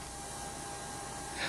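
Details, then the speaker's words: Steady whooshing hiss with a faint constant tone and slight swell near the end: nasal CPAP machine airflow, a mask connected to an air compressor forcing air into the throat to treat obstructive sleep apnea. "other people with sleep apnea benefit from what is called nasal continuous positive airway pressure or CPAP a mask is worn during sleep it is connected to an air compressor which forces air into the throat preventing it from"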